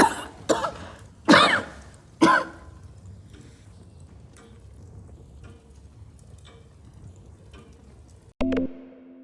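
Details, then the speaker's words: Acted TV drama scene: a woman, described as struggling with her chest for a while, gives four harsh coughs before coughing up blood, followed by quiet and a brief tonal sound. "I don't like the sound of that cough. It's fine. And you've been struggling with your chest for a while."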